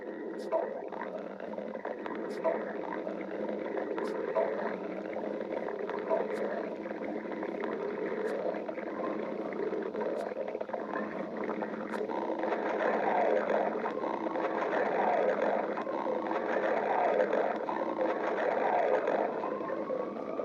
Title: stomach growling 5